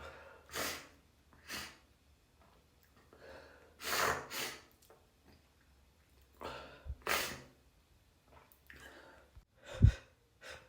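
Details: Several wet, congested, messy sneezes with gasping intakes and sniffs between them; sneezing.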